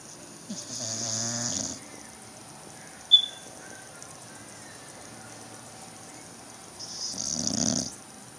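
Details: Sleepy dog snoring: two loud snoring breaths with a rattling, buzzing quality on the in-breath, separated by a long quiet pause.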